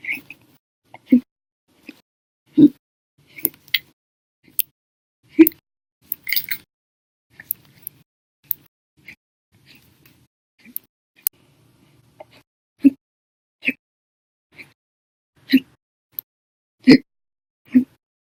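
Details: Abrupt, sharp glottal clicks recur every one to two seconds, some loud and some faint, during a hiccup bout lasting almost 11 hours after meals and a cup of soda; hiccups.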